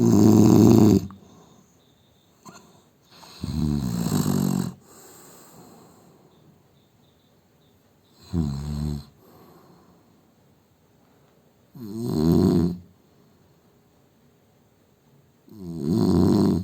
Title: Indian man snoring sound